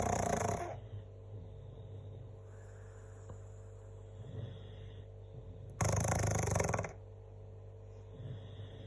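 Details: Pug snoring loudly: two loud, low, rattling breath noises separated by quiet breathing.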